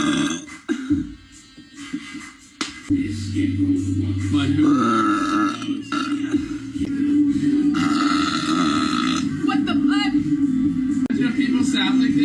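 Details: A girl's big burps: long, loud, rumbling belches with music playing in the background.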